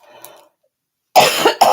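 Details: Adult, still sick, giving two loud, harsh coughs in close succession after a brief pause.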